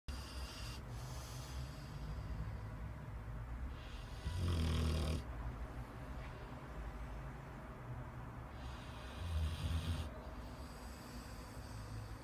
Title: Rottweiler snoring